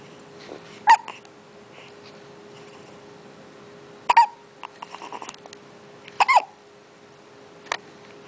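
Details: 1-month-old baby boy with hiccups: four brief, sharp, gulping hiccups several seconds apart, about 18 per minute, in a quiet room with a faint steady hum.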